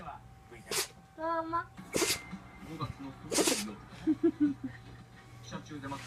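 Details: Shiba Inu suddenly sneezing hard: three sharp, explosive nasal bursts with a person's voice and room noise between; owner wonders whether mosquito-coil smoke caused it; sneezing.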